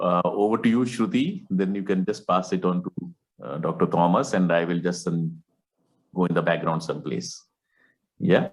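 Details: Adult male speaker; normal fluent speech.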